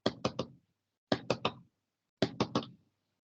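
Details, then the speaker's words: Knocked imitation, not a real recording, of mitral stenosis cadence: repeating triplets of loud first heart sound, second heart sound, then an opening snap that can mimic a split second sound. "la válvula mitral va a generar este doble ruido aquí el segundo ruido cardíaco y además el chasis de abertura de tal manera que se va a escuchar como que bueno no sé si lo escuchen va a ser como que primer ruido segundo ruido y verdura algo así"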